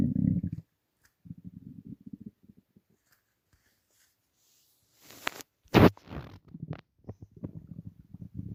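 Low gurgling rumbles come in bursts with quiet gaps and a few sharper squelches: ordinary stomach rumbling from gas and fluid moving through the gut.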